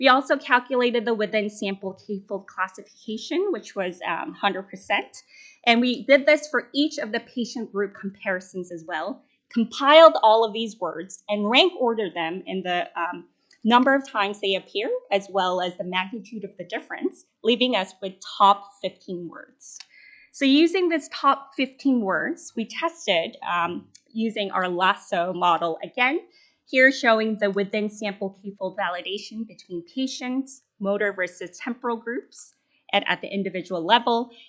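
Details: Adult female speaker; normal speech.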